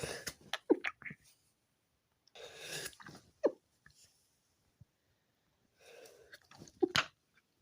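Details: Adult sneezing fit at 4 a.m. preventing sleep; several forceful sneezes in clusters with breathy in-breaths and sniffs between.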